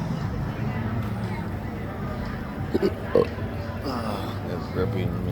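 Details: Hiccups: an adult's few abrupt, short gulping sounds in quick succession over a steady hum. It is a rare condition since December 2015, with choking-spasm tendencies. This episode began at midnight on September 8, 2019 and lasted 26.5 hours.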